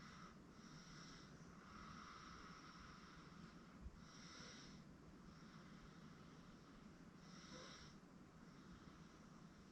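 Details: Sleeping 8-month-old baby girl on a futon: soft, rhythmic, noisy breaths recur roughly every three seconds over a steady background hum, light infant snoring in sleep.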